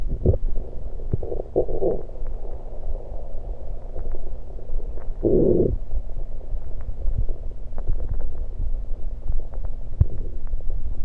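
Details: Stomach recorded while gulping Diet Pepsi: low rumbling and gurgling with bubbling pops over steady background noise, ordinary stomach sounds after a fizzy drink.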